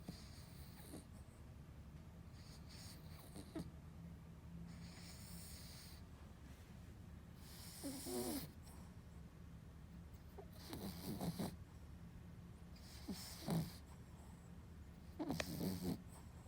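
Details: A sleeping Lhasa Apso snoring softly, with rough snorting breaths every few seconds over a steady low room hum.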